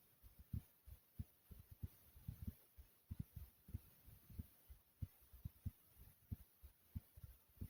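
Strong, deep paired thumps repeat steadily at about 94 beats a minute over a soft hum: a forceful, pounding heartbeat.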